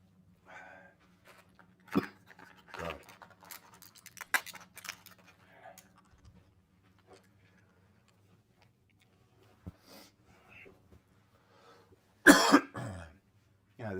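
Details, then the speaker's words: Man with a cold affecting his throat, speaking on a livestream: several hacking coughs in irregular clusters with throat clearing and a strained breath; coughing fit. "the difficulty of speaking when you've got a cold is that it affects your throat honey and yeah just put a thing of Manuka honey in my mouth but to ease the throat uh to hopefully reduce the amount of coughing"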